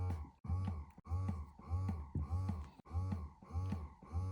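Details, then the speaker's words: Vital Baby Nurture electric breast pump switched from stimulation to expression mode: steady motor hum with a suction pulse about 100 per minute, pulling in at the nipple with stronger, longer suction; cycle speed decreases as the level increases. "you can see it really pulling in at the nipple and producing a much stronger and longer suction now with expression on this pump the cycle speed does decrease as the level increases"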